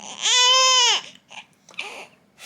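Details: Baby girl crying during tummy time with a mirror in front of her: a single sustained high-pitched wail, then short fussy breaths and whimpers; protest cry.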